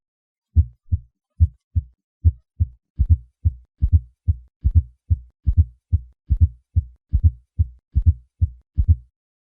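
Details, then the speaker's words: A regular heartbeat of about 70 a minute has a soft extra sound just before the first heart sound: an S4 gallop. It is described as a sign of pressure overload or hypertension from hypertrophied ventricles. "Другими словами, S4 обычно является признаком перегрузки давлением или гипертонии."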